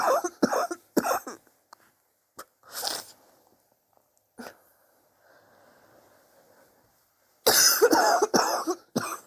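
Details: Persistent cough over recent weeks, suspected but unconfirmed bronchitis, with chest x-ray planned to check for pneumonia; bursts of harsh, chesty coughing in clusters with quiet gaps and a throat clear.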